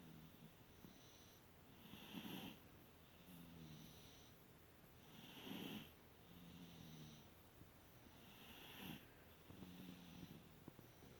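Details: Soft, regular snoring in a sleeping young child after a very long day: a rough snort on each in-breath and a low hum breathing out, about 18 breaths a minute.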